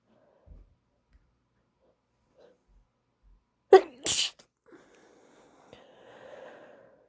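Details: Induced sneeze from a female with a tickly nose.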